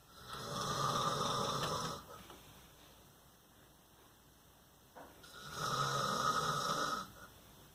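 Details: Adult man (a father) asleep at night in a dark room: two loud, rough snoring breaths about five seconds apart with quiet pauses between; snoring during sleep.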